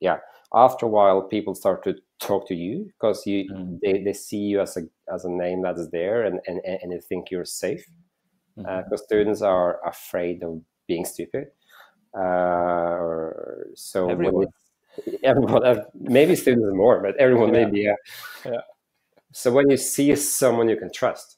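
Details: Stuttering in a male startup founder who says he stutters and that it can be heard in his speech.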